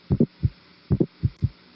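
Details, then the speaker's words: Loud, sharp, snapping second heart sound over the pulmonary area, with a weak first sound that is not clearly heard there; timed as the second sound because it does not coincide with the carotid pulse. Loud P2 of pulmonary hypertension. "وبعدين بولمونري هايبرتنشن سكند هارت ساوند عالي واضح جدا لدرجه ان انا سامع من السكند هارت"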